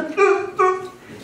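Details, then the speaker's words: An adult imitating the expiratory grunting of a child in respiratory distress from pneumonia, as taught in a pediatric emergencies lecture: two short voiced grunts. "so they're grunting and that's because they have a lot of pain on one side and the other from a pneumonia"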